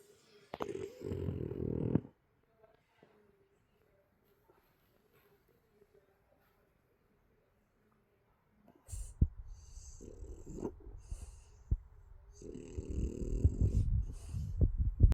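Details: French bulldog snoring: a brief snorting snore, a long silence, then irregular snuffling snores and snorts typical of a flat-faced dog.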